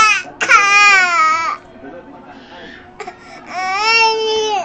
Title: cutest baby cry